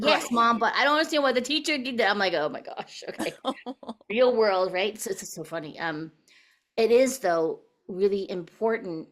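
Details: Adult woman; typical voice.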